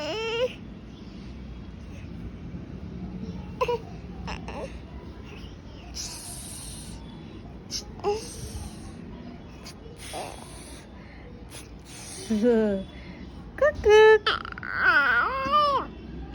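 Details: Infant gives short, wavering cries and whimpers between quieter stretches with soft hissing sounds and music; infant crying.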